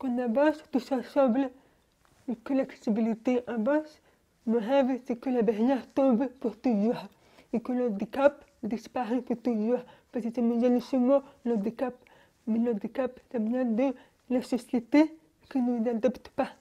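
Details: Young woman born profoundly deaf, speaking French orally without an interpreter; finding: deaf speech.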